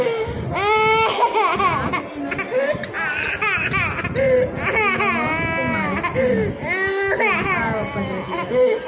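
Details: Loud, repeated wails from a baby girl during a blood test, with adults talking in the background telling others not to press too hard; infant crying.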